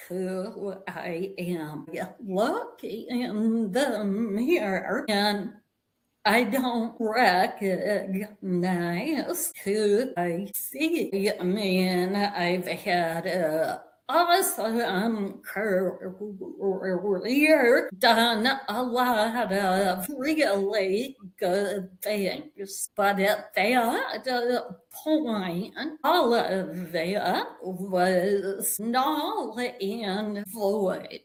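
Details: Adult woman with vocal tremor, which she relates to over five decades of narcissistic abuse and trauma beginning at age five; speech may be hard to understand.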